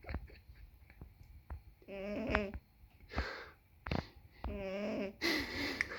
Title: Snoring cat 😻